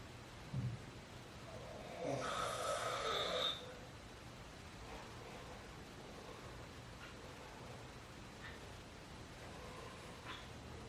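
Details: A father recorded asleep at midnight gives a single rough snore, then quiet breathing with a few faint sounds; snoring during sleep.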